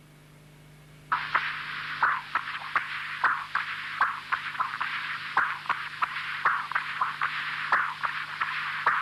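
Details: Pulmonary regurgitation on continuous wave Doppler (pulmonary hypertension).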